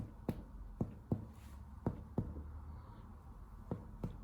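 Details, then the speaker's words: Chest percussion during a lung examination teaching demonstration: short, muffled taps over the heart give a slightly dull, low note instead of lung resonance. "aqui o coração tem um som um pouquinho maciço também, e aqui"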